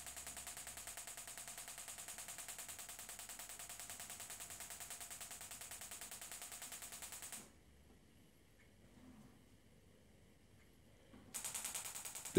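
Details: Extracorporeal shockwave therapy for Achilles tendinitis, Gymna Shockmaster 300 with standard 15 mm convex head, 3 bar, 10 Hz, ultrasound gel, delivered as a series of spots along the tendon; fast, steady clicking bursts about ten a second with brief pauses; shockwave device firing.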